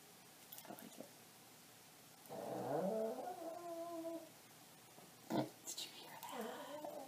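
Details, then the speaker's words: A sleeping dog gives a long, drawn-out, groaning tonal snore, followed by a brief snort and softer breathy noises in a quiet room; owner says she sounds like she's dying. "that's Lucy she's snoring Lucy she sounds like she's dying over there"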